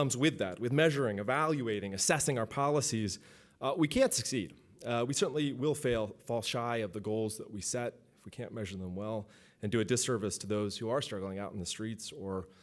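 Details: Adult male speaker; normal voice.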